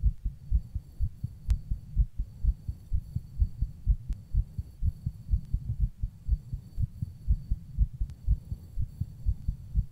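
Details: Own heartbeat recorded while rebreathing in a plastic bag: steady, muffled double beats at roughly 60 to 120 per minute with faint rubbing noise.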